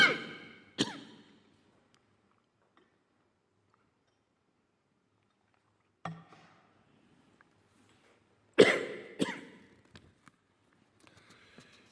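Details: The Chinese President has a violent coughing spasm while giving a live speech on state media at an event in Shenzhen, Guangdong Province, China, on October 14, 2020.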